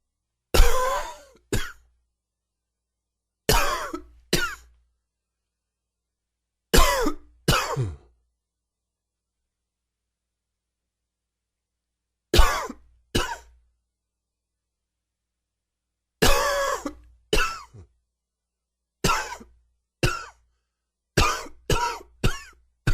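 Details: Repeated short, dry adult coughs in pairs and small clusters with quiet gaps between bouts; nagging dry cough with a little sore throat.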